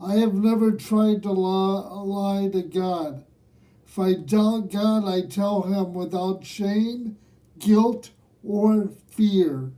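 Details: Man aged nearly 67 who has lived with cerebral palsy; dysarthric speech in cerebral palsy.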